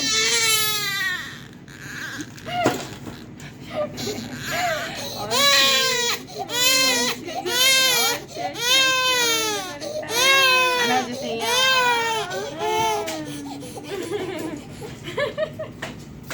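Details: 126-day-old infant at a third check-up visit that included a cardiac ultrasound and vaccinations: loud, repeated high-pitched wailing cries with sobbing breaths between, a pain cry right after an injection.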